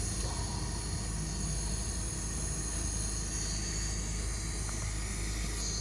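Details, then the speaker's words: Oxygen concentrator (Carer CR-P5W) running in nebulizer mode with the booster attachment fitted for stronger airflow plus oxygen output, a steady low mechanical hum with a constant airy hiss. "นี้ก็จะเพิ่มแรงมากขึ้นแล้วก็จะมีออกซิเจนออกมาด้วยสำหรับฟังก์ชันพ่นยานะคะ"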